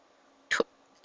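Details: One short, abrupt hiccup with a sharp voiced catch in a quiet room from a young woman with persistent hiccups.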